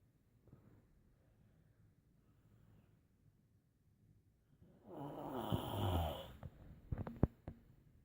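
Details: Quiet breathing, then one loud, rough, rattling snore on the in-breath, followed by a few soft clicks; snoring.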